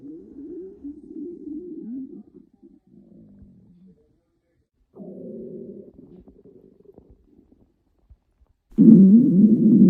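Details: Girls' hungry stomachs growling: loud, low gurgling and groaning rumbles in bursts, hunger borborygmi.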